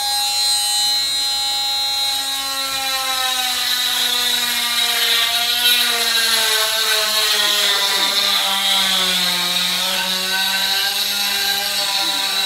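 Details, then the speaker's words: Loud, high-pitched whining buzz with shifting pitch as an oscillating cast saw, which vibrates rather than spins, cuts through a young boy's cast (about 5 or 6 years old) at cast removal. "doesn't spin, okay? It just vibrates and it won't cut you, okay? I'll show you. Watch it. Okay? So perfectly safe. Just vibrate."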